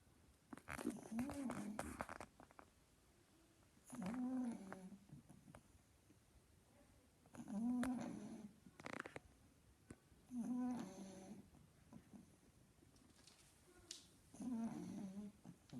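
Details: Pug snoring loudly while sleeping: irregular loud snorts and rumbling snores with quiet gaps between, about nine a minute.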